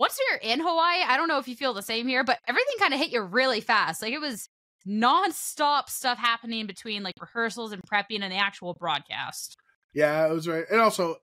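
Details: Adult speaker; normal voice.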